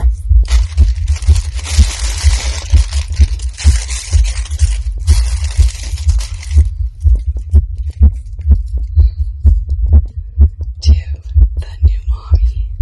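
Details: Adult female's own heartbeat, recorded while she excitedly unboxes a reborn baby doll. She feels it pounding in her chest and can barely breathe; the rate is stated as over 130 BPM. Rapid, regular thumps at about 125–130/min, with rustling at first. Fast heartbeat.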